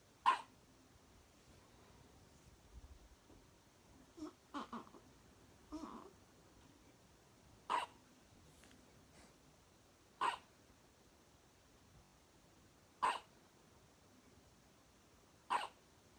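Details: Newborn weighing 5 lb 1 oz with first hiccups while sleeping: sharp, brief hiccups every two to three seconds in a quiet room, with soft breathy sounds between.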